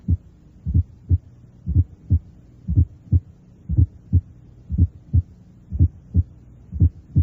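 Simulated regular heartbeat, about 60 a minute, with a soft low sound just before the first sound: an S4 gallop that fades under firm bell pressure.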